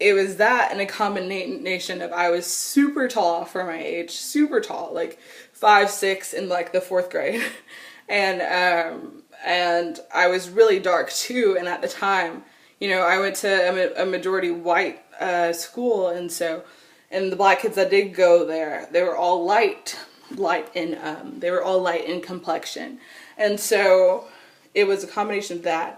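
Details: Adult woman with severe stuttering since childhood that persists into adulthood; stuttering.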